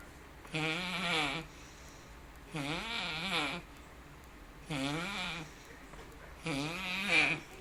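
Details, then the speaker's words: A man snoring loudly during sleep, appearing to do a crunch with each snore: four long, wavering, voiced snores, about 28 a minute, with quiet pauses between. "He appears to be doing a crunch with each snore."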